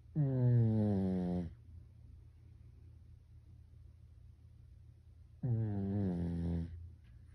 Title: [ASMR]#3 / 우리집 강아지 코고는 소리 ASMR / 페키니즈 / 사람 코골듯이 고는 우리 별이🐶